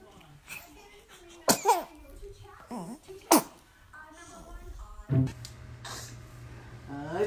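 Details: Baby sneezing amid babbling and adult talk in a room; small sharp sneezes, ordinary infant sneezes.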